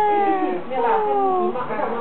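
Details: Sustained, wavering high-pitched wail from a newborn baby, recorded around the time of its very first sneeze; ordinary infant cry.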